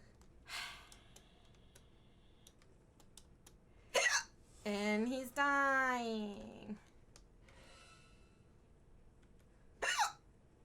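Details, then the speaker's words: Three sharp, sudden hiccups a few seconds apart, with a drawn-out vocal sound between them, from a female streamer with repeated hiccups after gaming; she suspects eating her food too fast caused them. "I've got some hiccup problems going on lots and lots of hiccups I now Siri annoying yeah why do you think that's going away you hear these freaking annoying hiccups"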